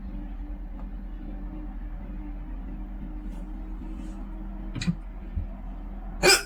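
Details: A few sharp, brief throat catches over a steady low background hum in an ASMR recording; hiccups.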